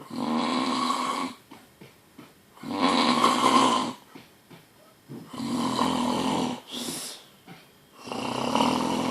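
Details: Very loud, harsh, buzzing snores, about 23 a minute and somewhat uneven, with quieter breaths between: heavy snoring, billed as the world's loudest snorer.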